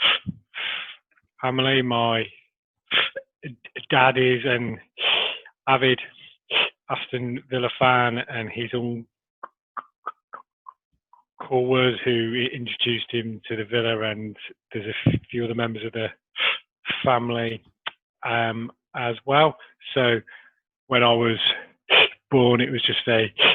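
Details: Adult man who has stammered since early childhood, with major blocks through school; he still has blocks and repetitions despite Starfish Project technique; stuttering.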